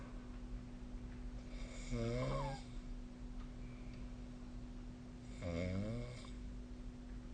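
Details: Snoring during sleep, recorded with the SnoreLab snore-tracking app: two rumbling, fluttering snores about 3.5 seconds apart over a steady room hum; ordinary sleep snoring.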